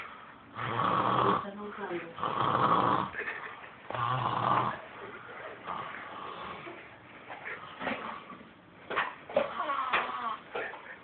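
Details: Snoring: loud, rough inspiratory snores, three strong ones first, then softer irregular breathing noises in a quiet room; recorded on an Android phone.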